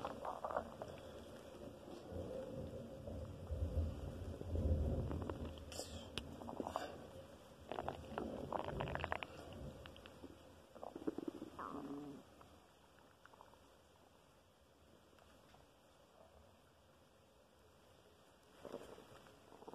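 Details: Loud stomach noises, some days louder than others: loud, irregular gurgling and rumbling bowel sounds over several seconds, then quiet; borborygmi.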